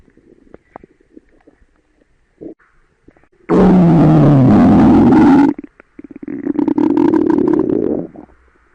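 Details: Loud, gurgling stomach growling from a girl, with a long low rumble followed by a second bubbling rumble: borborygmi.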